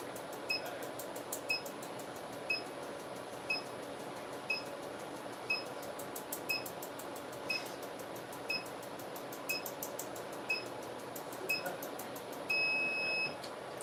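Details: Harmony ClearLift laser facial demo for collagen remodeling: electronic beep-clicks about once a second, roughly 60 a minute, over a steady fan hum, ending in a longer tone. The handpiece hovers just above the skin, 500 pulses on forehead and chin, 1500 per cheek; the patient reports no pain.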